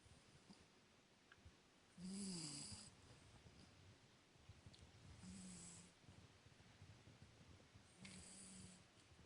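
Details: 19-week-old Cavalier King Charles Spaniel puppy asleep, giving soft, high, whistling snores about every three seconds against a quiet background hiss: snoring.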